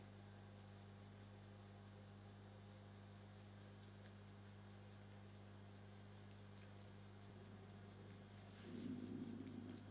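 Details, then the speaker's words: Adult says her tummy is rumbling because she is hungry: steady room hum, then a brief low gurgling stomach growl near the end; borborygmi. "can you hear my tummy oh so hungry I might have to go get a snack in a minute"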